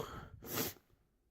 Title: Sneezing